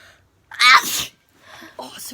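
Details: Sneeze challenge: one loud forceful explosive sneeze followed by brief talk; sneeze.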